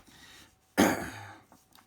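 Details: Adult recovering from flu, the second in three or four weeks, with a croaky voice: one harsh, chesty cough in a quiet room during talking.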